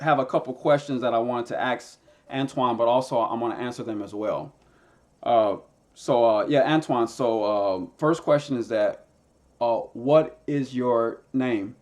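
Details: Man who stutters and uses a SpeechEasy device; stuttering.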